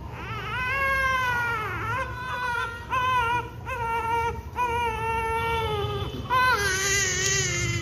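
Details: A premature newborn's sustained, high-pitched crying in repeated wails with short breaths between, during cannula insertion; a pain cry during a needle procedure.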